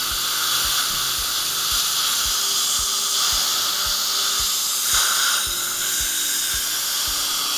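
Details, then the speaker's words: Final polish of flowable composite fillings on teeth #14 and #15 of a 52-year-old patient: high-pitched whirring hiss of a dental handpiece over soft background music and low taps. "now it's time to polish just use your favorite polishing system and you will find that you get a beautiful gloss on this restoration and it has the ability to maintain its gloss over a long period of time and last but not least the final polish"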